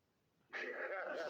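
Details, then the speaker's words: Child snoring, heard thinly over a phone line, who currently has a sinus infection: after brief silence, one long, rough, noisy breath continues to the end. Finding: snoring. "She's snoring. That wasn't a kiss, that was like a bro. No, that's her snoring. Oh, that was her snoring?"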